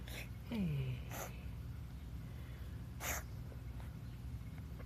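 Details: Pet with noisy breathing, owner concerned: a brief falling squeaky whistle and two sharp snorting puffs of wheezing over a low hum.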